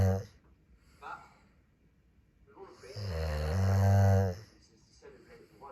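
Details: Snoring while a TV show plays: one long, loud, low rumbling snore with a buzzing vibration, between quieter breathing sounds.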